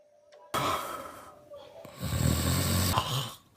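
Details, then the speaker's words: Loud, rough, rattling snores from a sleeping adult man, a husband, with a brief quieter gap between two noisy breaths; his wife complains she can't sleep, and he denies snoring; snoring. "Come here. Wake up. You snore me away. Don't snore now. I can't sleep."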